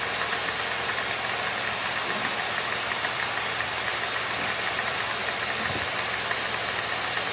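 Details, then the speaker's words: Dental suction unit running in a test rig with Micro-Smart firmware 20180223, a ball valve standing in for the spittoon valve: steady loud rushing hiss of airflow with constant motor drone, fairly constant flow. "as you can see the flow off into the pumps for me it's quite light but as you can see it's actually pulling very nicely the main waters on the inner side of the tube"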